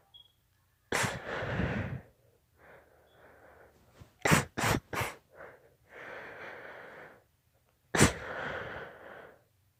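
A run of sneezes with gasping breaths in between, then a quick burst of three close sneezes and one final sneeze. This is a sneezing fit.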